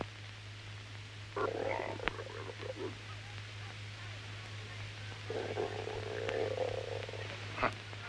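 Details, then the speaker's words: Film scene (The African Queen, 1951) of a man's stomach rumbling: two drawn-out, croaking gurgles over a steady low hum; borborygmi. "just listen to the stomach of mine way it sounds you'd think I had a hyena inside me"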